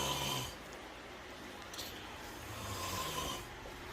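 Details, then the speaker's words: Adult snoring: loud, rasping snores from a sleeping adult, two rattling breaths a few seconds apart, in a quiet room. "stand by there may be someone else in my house that's not me that's not 345 to life wife that may also sleep in the same fashion"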